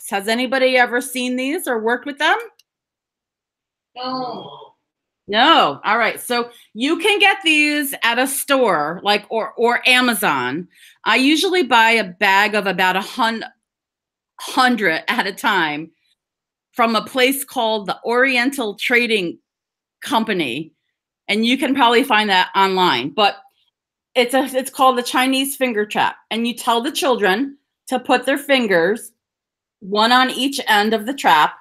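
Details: Adult woman who stutters (stammers), speaking English with audible part-word repetitions; stuttering.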